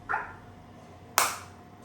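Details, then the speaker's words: Two sharp snapping pops about a second apart over quiet room hum: a focused (not radial) shockwave therapy unit (ESWT) firing single shots. "Like if I put the same over here, you can see this is green now, and I am getting the shot. So I am getting the shot."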